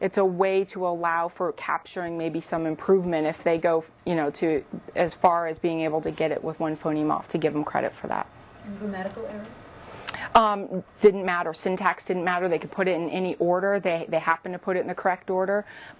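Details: Adult woman speaking; typical speech.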